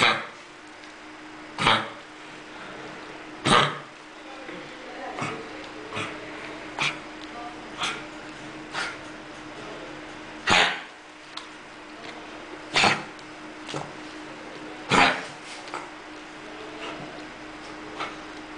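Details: Dog with kennel cough (tos de las perreras); about a dozen repeated harsh, hacking, honking coughs, some louder than others.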